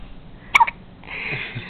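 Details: A one-day-old baby girl sitting in her father's lap gives a single abrupt, sharp catch of breath, then quiet breathing: infant hiccups.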